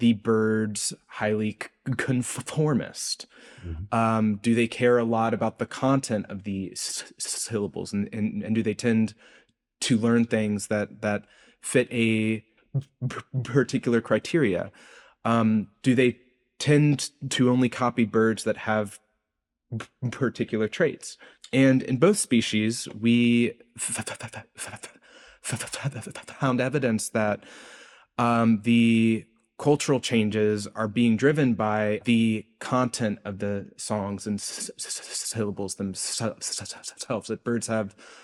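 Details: Adult male postdoctoral researcher, self-reported speech impediment audible throughout an interview; stuttering-like disfluency.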